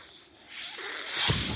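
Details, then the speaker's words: Quiet pause giving way to a rising rush of airflow with a soft thump as the speaker's own mechanical ventilator delivers a breath while he records a podcast; mechanical ventilator breath cycle. "Hello everyone. That noise you're hearing is my ventilator."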